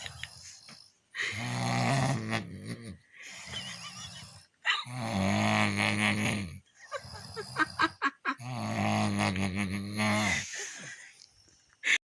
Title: Funny video of snoring